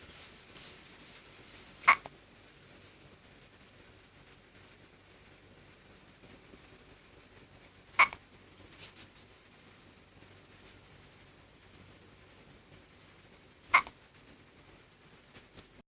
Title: Hiccups while sleeping